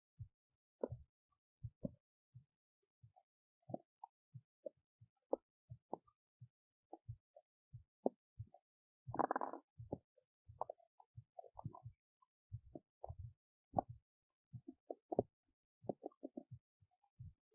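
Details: Big belly noises while digesting oats: quiet, irregular pops, clicks and short gurgles with one brief louder rumble, ordinary digestive bowel sounds.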